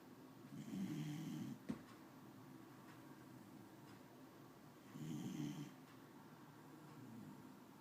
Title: snores